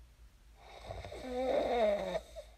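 A single rattling, tonal snore on the in-breath, rising and then fading, in a quiet room. Typical sleep snoring.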